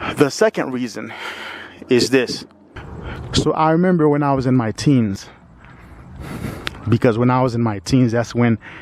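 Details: 45-year-old man with lifelong stuttering who says he is not fluent despite periods of fluency; audible word repetitions; stuttering.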